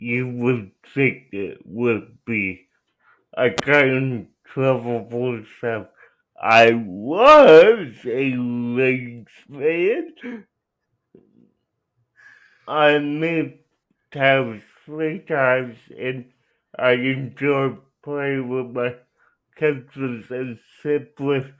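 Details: Young adult man with cerebral palsy; dysarthria due to cerebral palsy.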